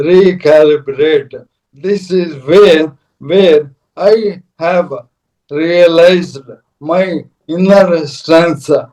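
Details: Adult man, a corporate strategist of 30+ years, ill since 2022: Parkinson's, diagnosed late, then ALS (motor neuron disease) diagnosed last year; mobility and speech very severely affected; dysarthria.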